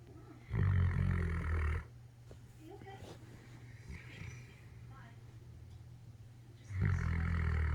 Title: 7 months old Great Dane snoring